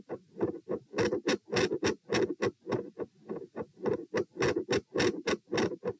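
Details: Heart sounds recorded at position P while sitting, standing, then sitting, rate 96-108-96 bpm: regular paired sounds rising and falling in loudness; phasic S1 and S2 intensity changes with split S2.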